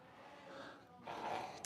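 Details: A loud, rushing nasal exhalation from a male pleasure horse during an equine chiropractic session, a brief snort over steady outdoor background noise; snorting.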